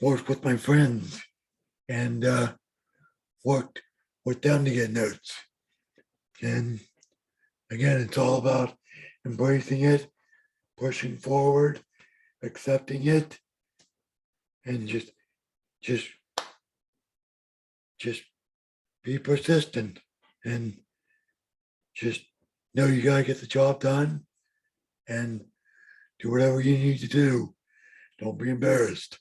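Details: Adult man with lifelong bilateral severe hearing loss and mild cerebral palsy; deaf speech, the speech of severe hearing loss.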